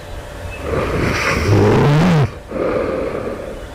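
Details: One loud, harsh snore rising to a groaning, snorting tone and stopping abruptly, then quieter breathing, just before waking at night; the sleeper asks whether this suggests developing sleep apnea; snoring.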